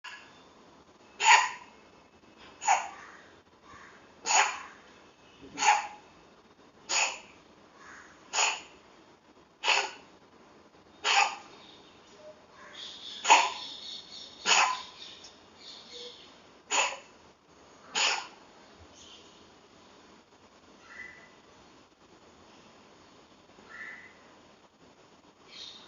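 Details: A kitten gives about a dozen short, sharp coughs in a steady run, then quiets down.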